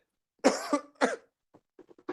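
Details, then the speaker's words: Adult on a live stream, reportedly after inhaling a spliff: two loud, forceful coughs followed by faint small sounds; cough, described as if coughing up a lung. "It sounds like you coughed up a lung just then or something."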